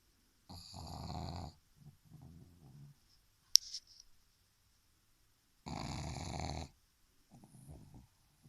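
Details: Pug dog asleep: two loud, rough, rattling snores about five seconds apart with soft snorting breaths between, typical of a flat-faced dog; snoring.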